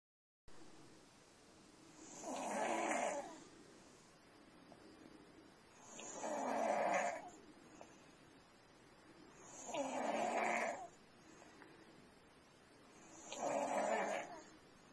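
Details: Pediatric patient with snoring that recurred after strep infection: regular rattling snores on each breath, about 16 a minute, with quiet gaps between.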